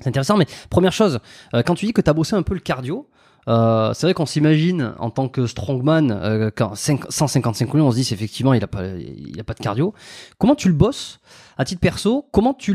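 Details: Adult man speaking French; Normal adult male speech.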